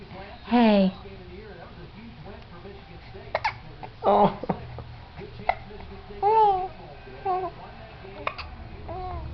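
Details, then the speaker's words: Repeated hiccups in an infant boy who gets hiccups often: five or six brief, sharp squeaks or gulps with quiet between them. "You got the hiccups, buddy? Hey. Hey. Oh. Oh, poor fella. You don't like the hiccups, do you?"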